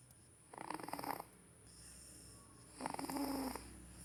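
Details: Baby snoring: two short, soft, rattling breaths in, each with a fluttering buzz.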